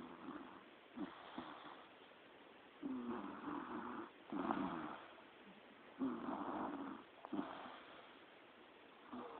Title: snoring